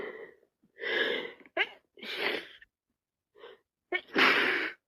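Wet sneezes with sharp gasping intakes and sniffles, as with a head cold.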